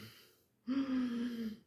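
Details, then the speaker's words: Imitated wheezing demonstrating asthma, where airways inflamed, narrowed and mucus-filled cause an audible breathing sound: a doctor's single steady, whistling, musical tone lasting about a second. "तो इसकी वजह से हमें सांस लेने में और छोड़ने में दिक्कत होने लगती है और एक साउंड, एक आवाज़ आने लगती है जो बाहर से ही सुनाई देती है। एक व्हीजिंग साउंड्स होती है इस प्रकार की।"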